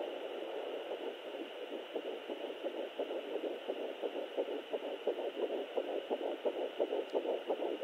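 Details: Fetal heartbeat at almost 10 weeks of pregnancy: rapid, regular whooshing pulses at about 170 beats a minute.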